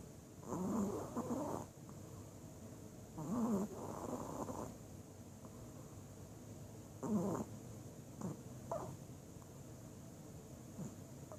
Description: Chewey Snoring In Our Bed